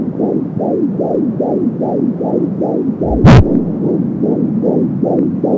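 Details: Fetal heart sounds at 16 weeks of pregnancy, heard with an Angel Sound home fetal Doppler: fast, regular galloping pulses at about 170 per minute with a whoosh of cord blood flow.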